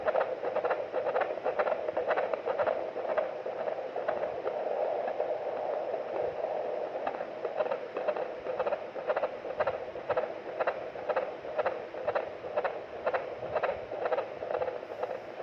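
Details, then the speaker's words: Fetal heartbeat on a fetal Doppler monitor, full-term 9-month pregnancy during labour: rapid, regular whooshing pulses about 120 per minute, within the normal 110–160 range; normal fetal heart sounds. "बच्चे की धड़कन normal है normal बच्चे की धड़कन 110 से लेकर 160 तक हनी चाहिए"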